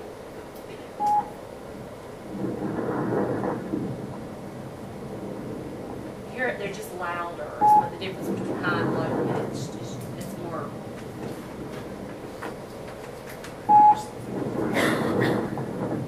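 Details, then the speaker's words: High-pitched fine crackles from a teaching recording, attributed to sudden opening of very small airways: slow breaths, about ten a minute, with brief, crisp crackling before each breath. "Crackles are due to the sudden opening of very small airways. Listen again to high-pitched crackles."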